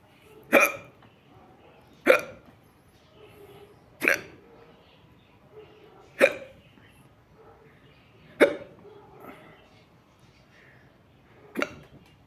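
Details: Six loud, abrupt hiccups spaced about two seconds apart, roughly 30 a minute, in a quiet room; hiccups, recorded close up.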